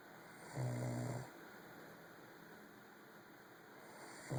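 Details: One low, rattling snore on an in-breath followed by quiet breathing, recorded late at night; ordinary snoring.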